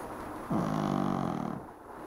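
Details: Leone, a sleeping dog lying on a cushion, gives a single deep, fluttering rumble on an in-breath lasting about a second over faint TV and room noise: snoring.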